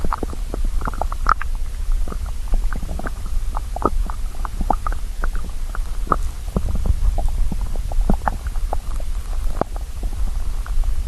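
Continuous low rumbling with many quick bubbling pops throughout; a hungry stomach growling.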